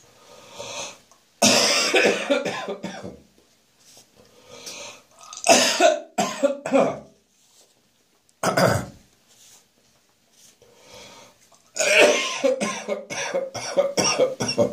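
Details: Adult's rough morning cough after a night of drinking beer: bouts of harsh, wet coughing with retching and gagging between them; cough with gagging.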